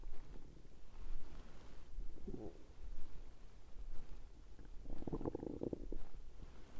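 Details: Low bubbling gurgles and rumbles with two louder growls, presented mainly as digestive rather than hunger sounds; stomach growling.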